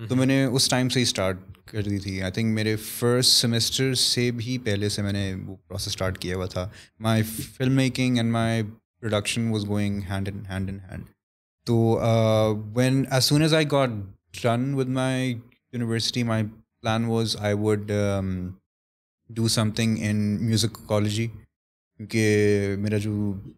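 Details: Stuttering in an adult male who has stammered since about age 3-5, with a return in his early 20s; he reports blocks, masked with alternate words, deep breaths and switching language.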